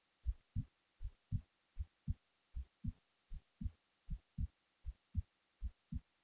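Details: Resting heartbeat recorded while the person was falling asleep: steady, regular low paired thumps at about 79 beats a minute, normal.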